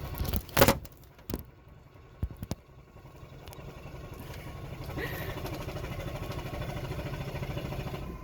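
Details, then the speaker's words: A few clicks, then a rising, steady low rapid throbbing as a high-frequency chest wall oscillation vest, set to 13 Hz, inflates and oscillates on a respiratory therapist volunteer in a training lab, loosening airway secretions during a 20-minute session. "once we are ready to begin our therapy we press on and we can begin oscillation of the chest"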